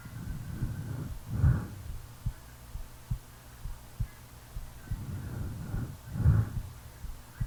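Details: Real recording of a person sleeping: soft, regular low heartbeat thumps, about 65 a minute, beneath two slow, deep snoring breaths; normal heartbeat with snoring.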